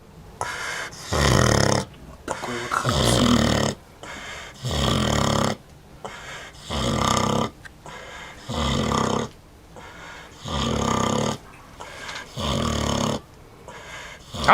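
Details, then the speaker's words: Large adult female Vietnamese pot-bellied pig, the oldest of the herd, sleeping: loud, rhythmic rasping snores, about 34 a minute, each a long harsh noisy breath; snoring. "стоит такой храп пойду посмотрю кто там храпит"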